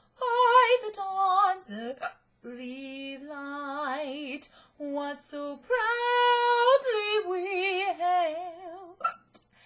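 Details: Adult woman with hiccups while singing the US national anthem for an audition: the singing is broken by sudden sharp gulping catches and pitch breaks.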